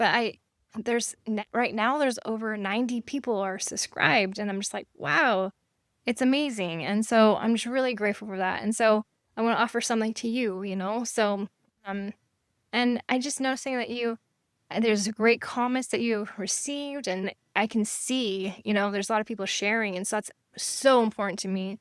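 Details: Aphasia after stroke in a female survivor living with it since 1999 (over 25 years), using hypnosis and meditation; she can sometimes spell words she cannot pronounce; aphasia.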